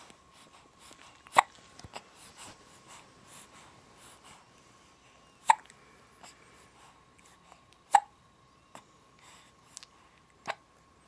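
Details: Female with hiccups on New Year's Day: sharp, brief hiccup clicks at irregular intervals, about five in eleven seconds, over a faint steady hum.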